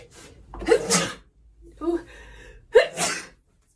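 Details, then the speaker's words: Two big sneezes, each preceded by a gasping in-breath, in a short acted sneezing fit that the speaker attributes to allergies. "I'm so sorry I'm having a a little bit of seasoning fit right now I think it'll it'll go away"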